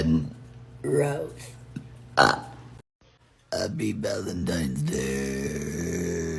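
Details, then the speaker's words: Adult woman burping: brief voiced sounds, then a sustained low belch over background music; she says she sometimes swallows air. "uh blah sometimes I swallow air Merry Christmas uh the end"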